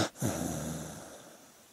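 A sleeping dog's snorting, rattly breath followed by a noisy exhale; ordinary sleep snoring.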